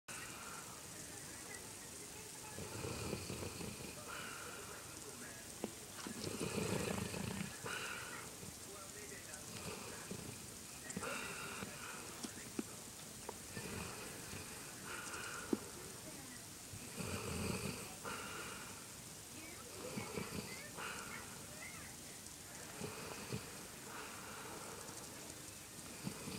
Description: Loser dog just keeps snoring